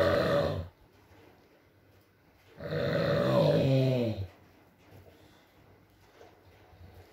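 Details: Male partner snoring during sleep in a recording with rain: one drawn-out, throaty, groaning snore between quieter breaths over faint steady background noise.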